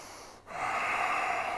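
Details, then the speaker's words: Breathing exercise for bronchial asthma, led by an instructor with severe asthma since childhood: brief pause, then a strong, noisy nasal inhalation (about 80%, incomplete breath) before a breath-hold with chest expansion and compression movements. "знову вдих відсотків 80 вдих неповний і робимо на затримці дихання ось таке розширення стиснення розширення стиснення"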